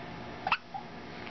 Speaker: ah get the hiccups and so does my sister yeah oh